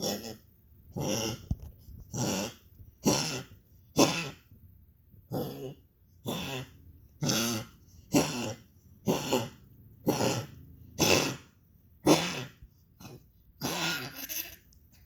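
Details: A dog coughs repeatedly, about fifteen harsh bursts in quick succession, roughly one per second.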